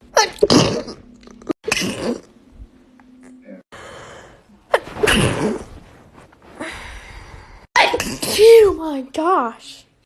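Several sharp, explosive sneezes in a row, with brief talk between them.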